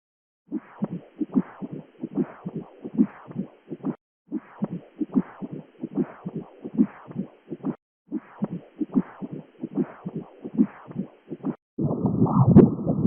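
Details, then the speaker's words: Pulsed-wave Doppler audio of mitral valve inflow on an echocardiogram, recorded with a KOSMOS handheld ultrasound device; waves described as sharp and clear. "here is the mitral valve inflow obtained with pulse wave doppler as you can see the waves are very nice very sharp and clear i also recorded some dopplers with sound so let's hear"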